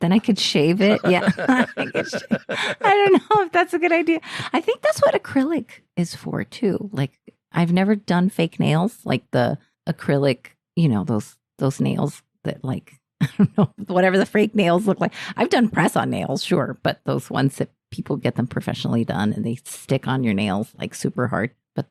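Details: Adult woman speaking; normal voice.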